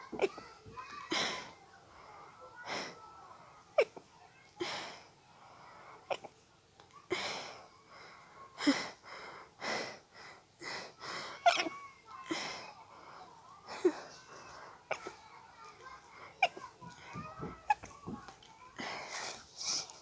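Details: Rapid series of short, muffled nasal bursts with sharp intakes of breath, an intense sneezing fit being stifled, starting from a tickle in the nose; attributed to allergies.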